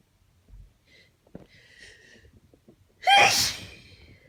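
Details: Tired allergy sneeze despite antihistamines, worst allergies in a long time: quiet indrawn breaths build to one loud, explosive sneeze that trails off, in a quiet room.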